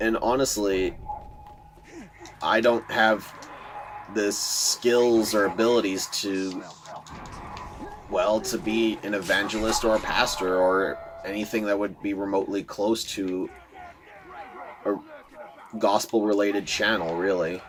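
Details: Adult man who says he stutters a lot, giving casual commentary over gameplay; word repetitions are heard. Finding: stuttering.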